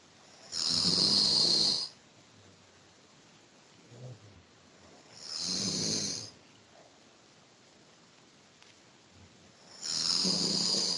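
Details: Ordinary sleep snoring: three loud, harsh snores about four seconds apart, with quiet breathing between.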